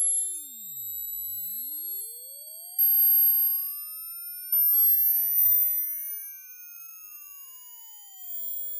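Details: Hearing-age test, headphones suggested, pure tones sweeping steadily up into very high pitches until the listener stops hearing them: hearing age test tone sweep.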